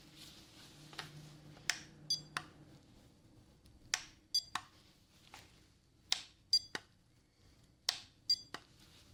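Short, soft, high-pitched beeps and clicks at irregular intervals, resembling hearing-screening tones in a relaxation roleplay.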